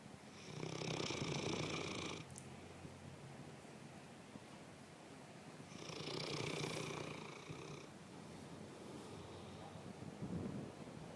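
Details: Slow, rattling snores on each breath, about five or six breaths in eleven seconds, with a purr-like buzzing on the in-breaths: snoring.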